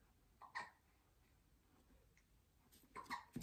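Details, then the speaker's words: Infant with hiccups: a few brief, sharp, catching sounds separated by quiet pauses in a still room. "if you're wondering my baby has the hiccups that's what that noise is"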